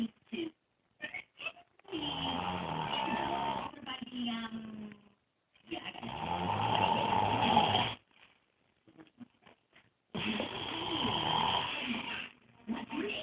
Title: Brother snoring EXTRA loud